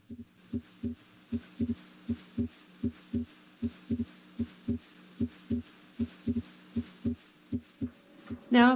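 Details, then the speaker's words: Heart sounds heard at the pulmonic area during deep inspiration, regular rate near 77 a minute: the second sound splits into A2 and P2 on inspiration and fuses into a single S2 on expiration, a physiologic split of S2. "this physiologic split of s2a and s2p normally occurs during inspiration during expiration however these two components are fused into a single sound s2"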